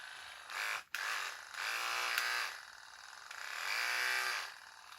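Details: NUK electric breast pump on its 3-volt power adapter, switched on for a test: a small motor whining, its pitch rising and falling in repeated pumping cycles.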